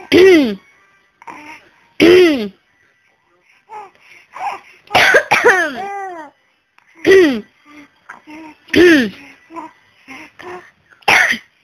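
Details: Mother coughing repeatedly while her 4-month-old baby girl laughs out loud at her; cough.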